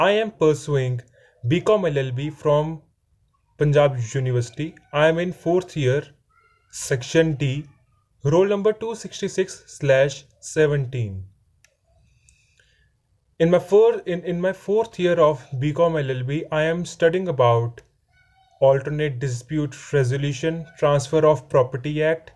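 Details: Male fourth-year law student who has stammering; stammering.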